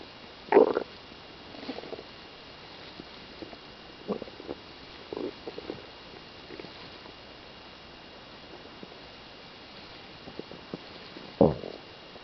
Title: stomach noises